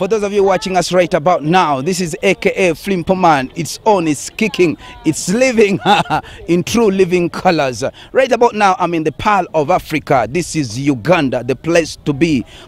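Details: Adult man speaking; no disorder.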